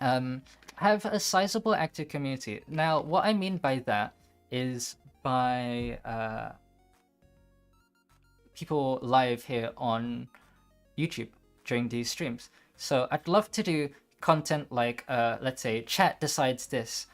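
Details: Mild stuttering in a dyslexic man with slower processing speed, who says he somewhat stutters or changes what he wants to say mid-sentence.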